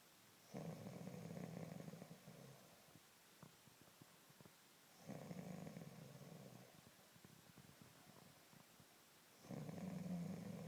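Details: Man asleep with the dogs, loud low fluttering snores on each inhalation about every four to five seconds, quiet breathing between, though he says he doesn't snore: snoring.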